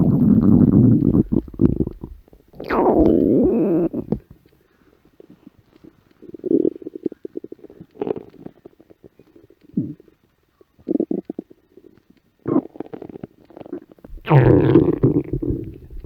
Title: Alluring Stomach Growl 💖